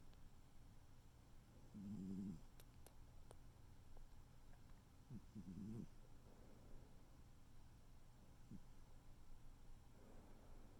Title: tuxedo cat snoring